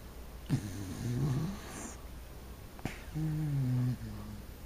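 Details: Wire-haired dachshund snoring: two low, buzzing, vibrating breath sounds with a slight whistle, over room hiss.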